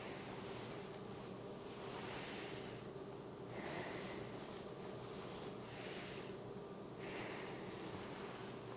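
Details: Real-person ASMR medical roleplay, adult woman's annual head-to-toe checkup: stethoscope on the chest during slow, deep breaths in and out; soft, clear breathing, all lung fields clear, no wheezes, rales, rhonchi or adventitious sounds.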